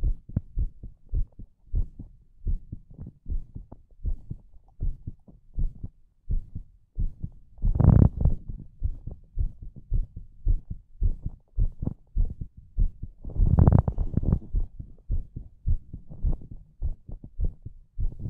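Steady low thumping heartbeat at about 100 beats a minute, with two brief louder rustling bursts.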